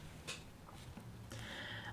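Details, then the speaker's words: Loud stomach growling (borborygmi) from an adult woman who has not eaten today by 10:00, heard while she is talking. "So, oh my gosh, if you can hear that, I'm so sorry. That's my stomach. It's so loud. I think she's a bit hungry."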